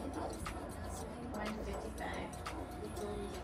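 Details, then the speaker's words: Fetal heartbeat on Doppler at a 24-week pregnancy check-up: steady, rapid, very regular whooshing at about 120 a minute. Consistent and normal; rate may slow as the baby matures. "there your baby's very consistent now as the baby gets older sometimes it starts to slow down that means the baby's maturing so that's normal but you may notice that change over time"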